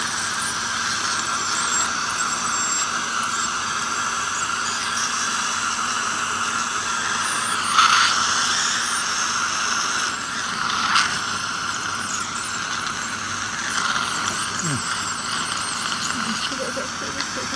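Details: Steady high-pitched whine with hiss and water spray, plus brief squeals; an ultrasonic scaler removing giant tartar from teeth during dental scaling.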